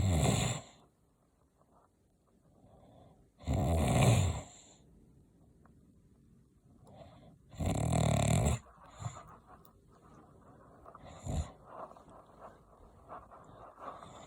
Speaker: That's how loud my dad snores.